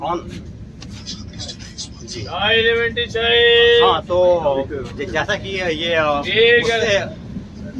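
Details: Stuttering (stammering) in an adult man who says he stammers and belongs to a stammering self-help association, speaking Hindi during speech practice on a train after a communication workshop.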